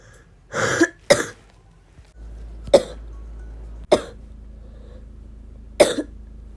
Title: still me coughing